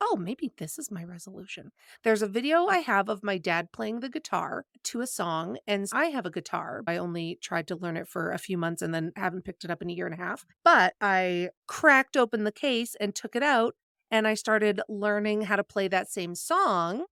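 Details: Adult woman speaking; typical voice.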